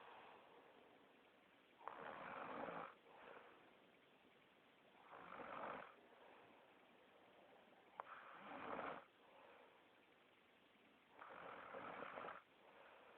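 Rhythmic rasping snores on the in-breath, about four in thirteen seconds with quiet out-breaths between; ordinary snoring.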